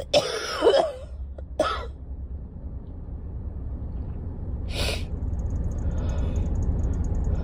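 Two short cough bursts from a child at the start, then steady low room hum.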